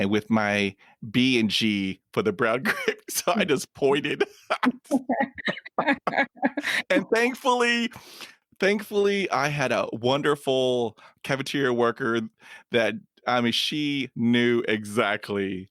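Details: Adult man who stutters, with blocks including long blocks, past secondary behaviours such as whispering, an accent and leg or foot tapping, and fluency varying day to day, speaking in a podcast; stuttering.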